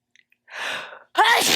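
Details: Loud, wet sneeze: a breathy inward gasp, a brief pause, then one forceful, wet-sounding sneeze.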